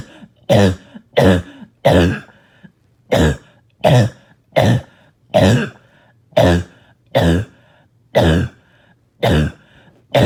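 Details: Adult gives about a dozen harsh, deep, barking coughs in a steady run with brief pauses; barking cough.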